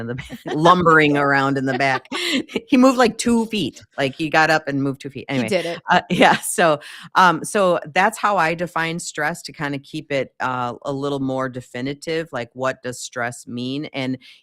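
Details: Adult woman speaking; typical speech.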